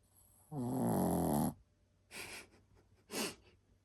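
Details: A long, rattling, buzzy inhaled snore followed by two shorter, softer snorting breaths from a sleeping Shih Tzu dog: snoring.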